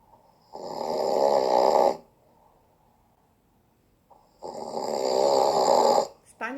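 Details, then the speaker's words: Adult man snoring: two long, loud, rattling snores on inspiration only, about four seconds apart, with quiet between them; inspiratory snoring. "Ten osobnik daje w jedną stronę. tylko przy wdechu, ale najlepsi robią to w dwie strony. Wdech i wydech."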